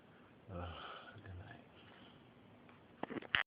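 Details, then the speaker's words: Adult woman (girlfriend) snoring loudly while asleep: a single rumbling, fluttering snore on the in-breath, followed by quiet and a few handling noises. "I tried to tell my girlfriend that she snores, but she didn't believe me. I'm finna catch her for the first time."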